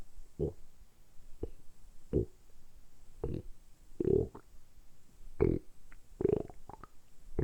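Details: Deliberately produced stomach rumbling (borborygmi), recorded close up for ASMR during about 10 minutes of continuous belly sounds: repeated short gurgles and low rumbles from the abdomen.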